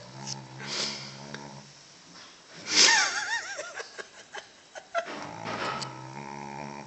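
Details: A sleeping female dog snoring unusually loudly: rough snoring breaths with a squeaky, whistling snort in the middle and some scattered clicks.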